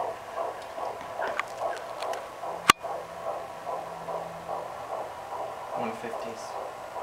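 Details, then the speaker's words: Fetal heartbeat on a Doppler, the first sign of life heard in this pregnancy: fast, even whooshing beats at about 140 to 150 a minute, called normal. "150s, which is good. It's normal."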